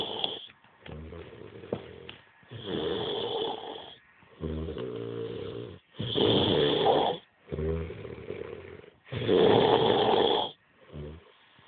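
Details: Heavy snoring from a very drunk sleeper: loud, rough, rattling snores in repeated bursts on in-breath and out-breath in a small quiet room.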